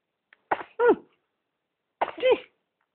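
Two short sneezes, each a quick sharp intake followed by an explosive burst, about a second and a half apart in a quiet room.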